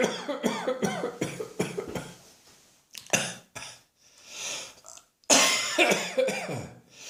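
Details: Irritating dry cough in a dusty atmosphere, in someone with annual chest infections: repeated short, dry, hacking coughs in quick bursts with pauses between; a nonproductive cough.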